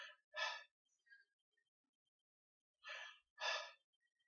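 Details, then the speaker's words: Normal breath sounds in a health-assessment exam, auscultated over the trachea then back and sides. The patient takes two deep noisy breath cycles. The examiner reports no crackles or wheezing. "I'm going to listen to your breath sounds at first I'm actually just going to fix this up here and listen on your trachea"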